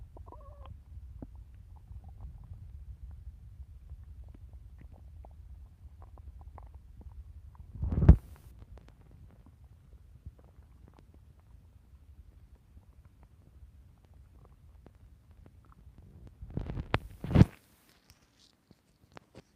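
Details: Hungry woman's stomach growling while anxious to eat a cookie; two brief gurgling rumbles over a quiet, low background hum.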